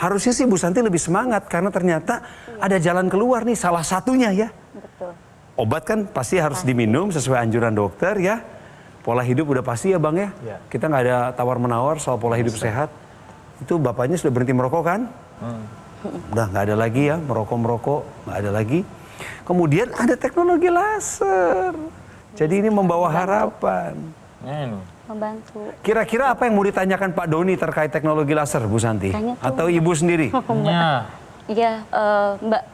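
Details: Adult male host in conversation; normal speech.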